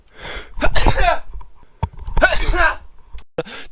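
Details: Two forceful sneezes from an adult, each a sudden explosive burst of air and voice.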